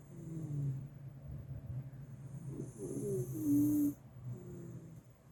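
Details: Loud, persistent snoring from a sleeping Miniature Schnauzer lying beside another dog: rough rumbling breaths with a whistling, squeaky nasal tone on each cycle.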